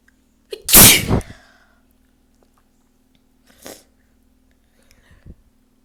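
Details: Self-induced sneeze: one loud, explosive sneeze with a sharp intake before it, followed by two faint sniffs or short nasal sounds in a quiet room; sneeze.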